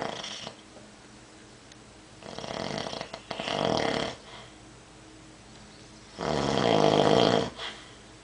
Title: Snoring